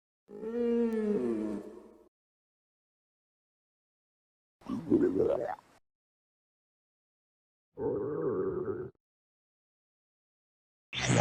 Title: Stomach growling audio